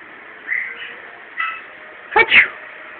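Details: Quaker parrot sneezing: a faint squeak, then a sharp, quick double burst with a tiny click over steady room hiss.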